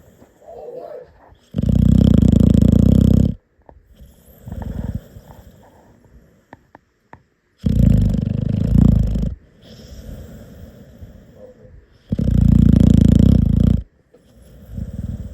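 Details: Sleeping puppy: loud, rough snores on each in-breath, three over fifteen seconds, with quieter breath sounds between; ordinary snoring.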